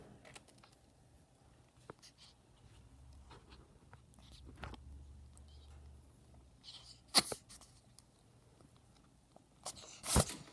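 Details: Pet ferret with a cold: a few short, sharp sneezes in a quiet room; sneezing from upper respiratory infection.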